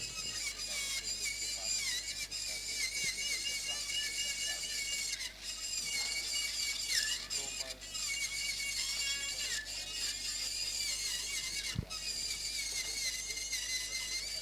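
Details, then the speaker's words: Temporal bone dissection demonstration (posterior tympanotomy, canal wall down mastoidectomy), fast removal of mastoid bone with no important structures nearby; continuous high-pitched drill whine, pitch dipping as it bites bone; otologic drill on temporal bone. "Now some of this bone you can remove fast. Because there is no important structure here."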